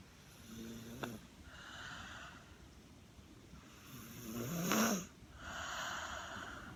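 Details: 18-month-old snoring during a rainstorm: soft snorting snores with a brief squeaky note, alternating with hissing breaths out, over steady rain noise.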